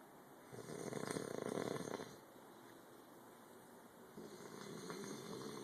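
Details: Man described as very drunk: a loud rattling snore on the in-breath, then quieter breathing and the start of another snore; heavy snoring.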